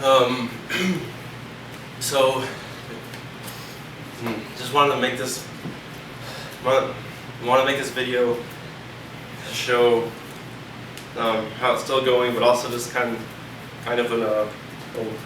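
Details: 28-year-old man with medication-induced tardive dystonia, preceded by akathisia, also causing facial twitching; stuttering began only after the dystonia's onset: stuttering.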